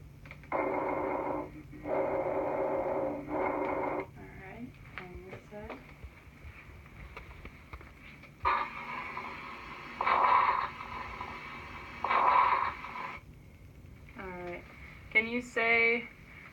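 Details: Patient asked to say ninety-nine, then to say "ee" and whisper one two three, during respiratory auscultation: muffled, indistinct voice sounds through the chest wall with clearer spoken prompts between, normal vocal resonance.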